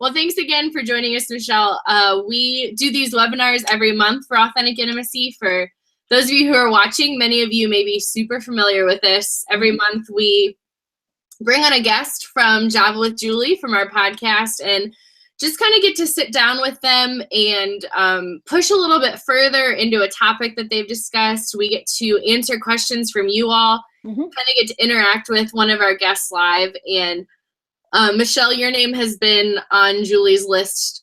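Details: Adult woman; typical speech.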